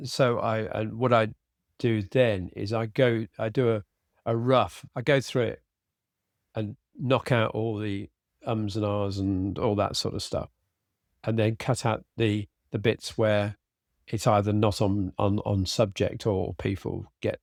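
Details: Adult man with aphasia after a sudden stroke, treated with speech therapy and his wife's flashcard practice; he cannot read scripts and tires later in the day. Finding: aphasia.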